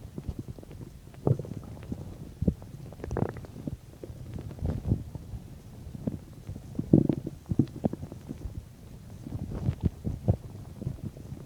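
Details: Adult's abdomen 10–15 minutes after eating a bean and cheese burrito: frequent low gurgles, bubbling pops and rumbles; typical active bowel sounds (borborygmi).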